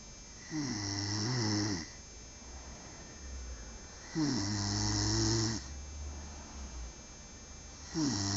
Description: this is a video of mine snoring at night......oh GOD i didnt knew i snored in the night.....